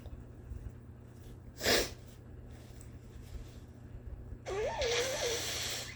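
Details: A short sharp cough burst, then a longer, harsher, voiced cough: an adult performer's long-standing cough, thought to be allergy-related, with asthma suspected and a family history of asthma.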